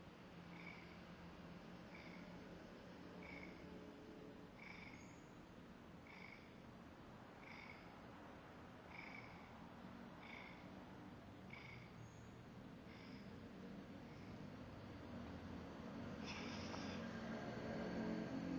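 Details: A cat snores quietly, with soft, whistling nasal sounds repeating about every second and a half.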